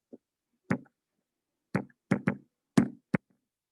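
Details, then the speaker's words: Demonstration of a third heart sound (S3 gallop rhythm) as heard on auscultation, contrasted with normal rhythmic beats, presented as a heart failure sign in Goldman surgical risk assessment. "Pero en el tercer ruido audible, o también se lo denomina el ritmo galopante, se presenta esta característica."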